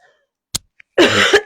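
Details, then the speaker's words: A single harsh adult cough after a small click, with a faint musical edge; the person says they are still wheezing a little. "You can hear that. You can I'm still wheezing a little."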